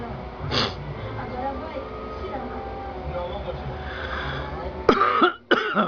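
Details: A person coughing: a few harsh cough bursts, the last two close together, over steady traffic noise.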